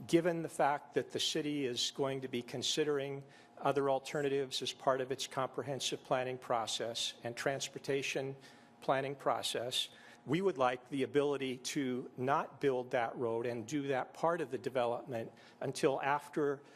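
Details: Adult man speaking; normal speech.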